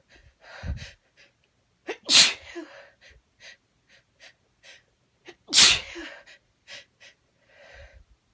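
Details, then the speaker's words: Sneezes in a woman after sniffing chhinkni snuff for a tickly, burning nose: two forceful sneezes, each preceded by a quick catching inhale, with soft sniffs between. "Can feel it burning, tickly. I can feel it building. Oh, what a tease. I can feel it build."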